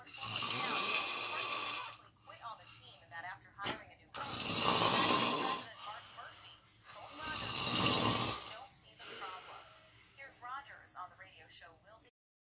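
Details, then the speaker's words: Man snoring in sleep: three loud, harsh, rattling snores about every three to four seconds, with quieter breathing and faint background noise between. "got slapped. He's snoring his butt off."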